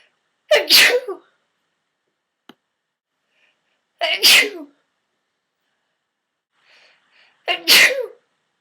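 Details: Three sharp, explosive sneezes a few seconds apart in a quiet echoing bathtub; sneezing triggered by eating mints.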